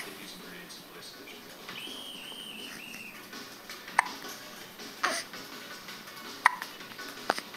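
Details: Recorded December 2009: sharp, brief catching sounds about every one to two seconds over faint background sound, fitting hiccups.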